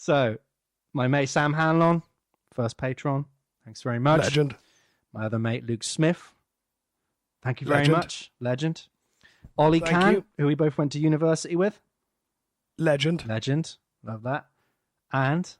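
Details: Adult man speaking; normal voice.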